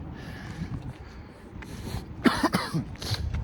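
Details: A short run of coughs after inhaling from a disposable vape, outdoors on a cold evening with background noise; ordinary cough.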